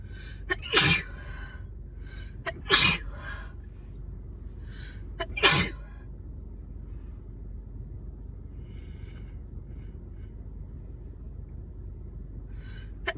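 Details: Person sick with a winter cold, having intense nonstop sneezes; three forceful sneezes, each preceded by a quick inhaling catch, against steady background hiss.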